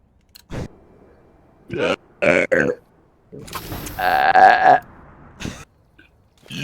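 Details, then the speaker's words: Several loud, voiced belches in a row, one long and drawn out, with short gaps, during an online game session; repeated burping. "yeah yeah sorry about that I had to let that one out"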